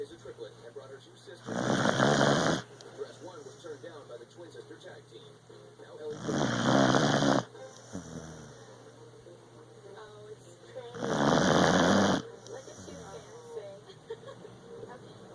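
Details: Three long, loud rattling snores from a sleeping beagle, about five seconds apart (roughly 12 a minute), with quiet breathing between; ordinary dog snoring.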